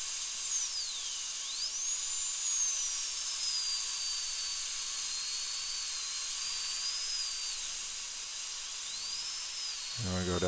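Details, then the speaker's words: High-speed dental drill tracing out an old large amalgam filling on tooth number two, a second molar, during crown preparation under rubber dam on a numbed patient with long chewing sensitivity: steady high-pitched whine and hiss, pitch dipping and rising while cutting. "so now I'm going to go ahead and and just Trace literally just Trace out the amalgam"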